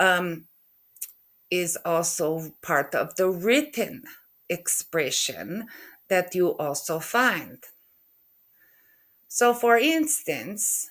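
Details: Adult woman with aphasia after a stroke in November 2023, with word-retrieval difficulty and halting speech.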